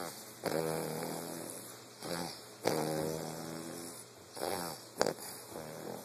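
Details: New puppy snoring in sleep: rough, buzzing snores on each breath, about 25 to 30 breaths a minute.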